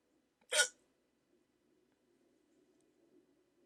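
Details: Adult with sleep apnea, waking after sleeping with a CPAP mask, in a rare 14-minute hiccup attack on January 31, 2024: a single sharp, brief hiccup in a quiet room.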